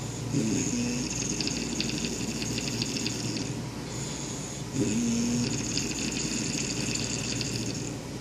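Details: Two long, loud rasping snores with a fluttering quality on each breath in, about four seconds apart, over steady room hiss; snoring.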